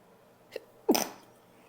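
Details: Female gives a brief catch of breath, then one loud, sharp sneeze that trails off quickly; a single sneeze.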